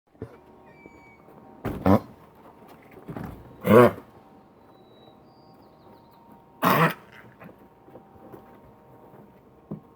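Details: A dog gives three short, harsh coughs with quiet pauses between them, against faint room hum.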